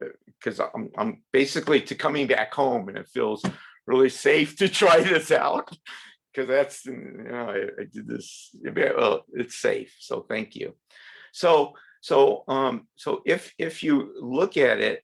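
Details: Adult woman from Sweden who stutters; has learned speech techniques and accepts her stutter; stuttering.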